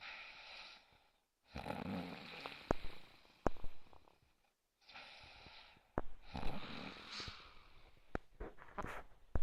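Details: Unidentified sleeper (whose snoring is asked): two long, rough, fluttering inhaled snores with quieter breathing out between them; ordinary snoring.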